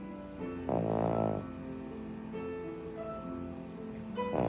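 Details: Rough, buzzing dog snoring rising over piano music from the Interstellar soundtrack, another snore starting at the end.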